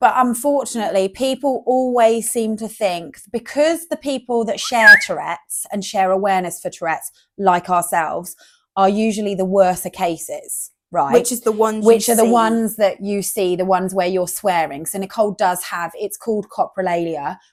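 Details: Adult woman speaking; no speech disorder.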